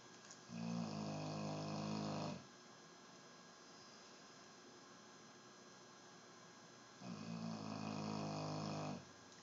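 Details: Morning snoring: two long, rough, buzzing in-breaths about six seconds apart in a quiet room, roughly ten breaths a minute.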